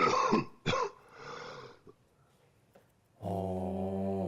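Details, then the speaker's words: Productive cough typical of pneumonia, with abundant yellow sputum and fever: two harsh cough bursts followed by a rough, rattling exhalation with sputum sounds. "폐렴의 경우는 가래가 많고 누런 가래가 있고 열이 있으면서 기침할 때 가래 소리가 좀 많이 동반되는 것이 특징인데요."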